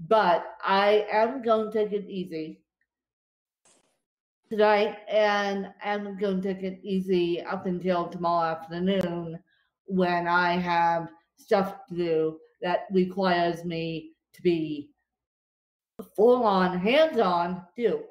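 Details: Dysarthria in an adult woman with cerebral palsy affecting her limbs and brain; she describes speech as tongue-tied following a bad spasm day.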